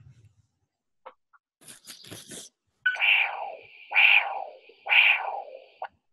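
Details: Monophasic Doppler arterial signal.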